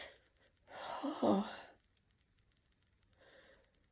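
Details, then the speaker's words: A sick person with a tickly nose and mild nasal congestion tries chhinkni to provoke a sneeze; after a short breathy build-up comes one loud, wet, explosive sneeze, then a faint breath out: sneeze. "Oh, I can feel it building, but wait. Oh. Oh, there we go. Oh my god, they're so big."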